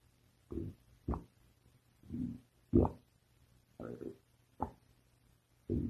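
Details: Seven short, hollow, groaning gurgles at fairly even intervals over a faint steady hum: stomach growling (borborygmi).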